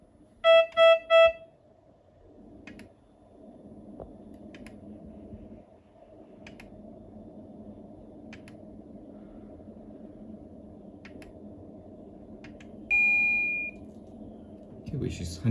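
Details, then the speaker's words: Biolight S12 patient monitor, NIBP started remotely from M6000C central monitoring system: three beeps, then steady pump hum as cuff inflates, single tone partway through; automatic blood pressure measurement. "once i press the machine will automatically check patient's blood pressure remotely"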